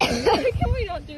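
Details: A compilation of repeated coughing episodes.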